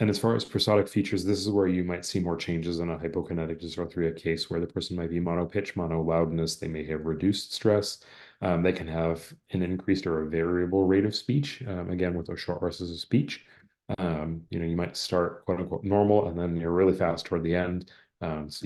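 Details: Adult male speaker; normal adult speech.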